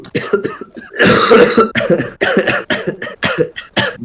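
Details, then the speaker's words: A man who had been coughing all evening gives a run of about eight harsh, rough coughs and throat-clearing bursts in quick succession; he says coughing makes him feel so bad his eyes seem to bulge out. "Мне так плохо, когда я кашляю, что такое ощущение, что глаза на лоб вылазят."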